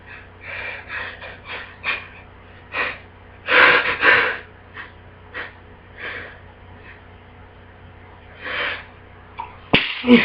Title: Bad Cold Sneezes